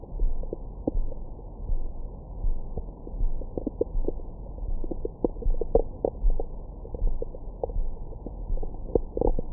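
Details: Belly recorded with a Stemoscope stethoscope microphone after a large meal: frequent gurgling, bubbling and squeaky sounds. Normal active bowel sounds of digestion.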